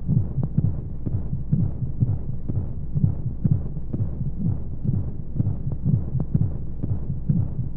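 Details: Womb-sound baby sleep aid with white noise: steady muffled low heartbeat thumps with a soft whooshing background, like a heartbeat heard from inside the womb.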